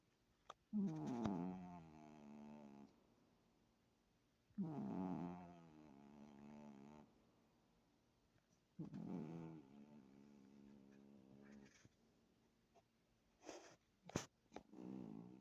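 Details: Sleeping kitten snoring softly in slow, regular rhythm, about three snores in fifteen seconds; quiet, may need sound turned up.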